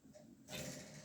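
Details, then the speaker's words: A dog snoring in the background: a single rough, noisy breath rising after a quiet start, with a low rumbling undertone. "si vous entendez ronfler c'est ma chienne"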